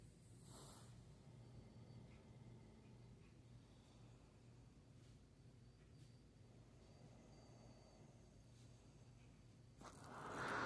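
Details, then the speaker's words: 10-year-old Respironics Remstar Auto CPAP machine with user breathing through mask: quiet steady low hum with soft, very mild, low-pitched breath sounds. "All right. So, that is on and I was breathing through it. Super quiet. Like, it has a little bit of breath sound in here, but it's really low pitched."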